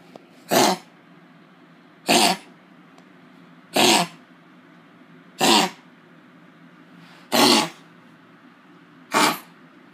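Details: Dog with kennel cough giving six harsh, dry, honking coughs at steady intervals.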